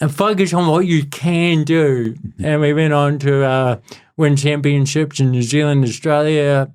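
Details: Adult man with cerebral palsy since birth, a lifelong physical disability affecting the body's movement system, speaking in real conversation; dysarthria (cerebral palsy).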